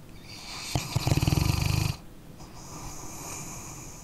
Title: {ASMR} Dog Snoring Sleeping Canine- 1 Hour Dark Screen Tingle Sounds Sleep Relax Study (NO TALKING)